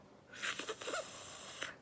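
A steady, hissing breath blown out through a narrowed mouth for over a second: a demonstration of pursed-lip breathing.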